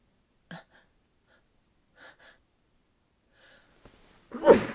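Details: Quiet catching breaths building to one muffled sneeze damped into bedding, in bed after cold, windy outdoor winter weather; nose sensitive from the cold, sneezes won't stop, possible cold suspected.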